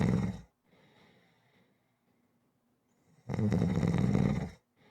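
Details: Rhythmic ordinary snoring for relaxation audio: a low rattling snore on the in-breath with a quieter breath before it.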